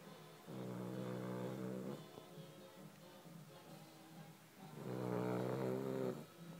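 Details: Sleeping dog gives two long buzzing snores, each about 1.5 seconds, with quieter breathing between: snoring.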